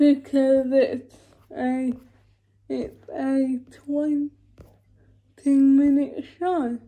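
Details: Dysarthric speech in a woman with cerebral palsy, talking spontaneously in a day-in-my-life vlog during quarantine.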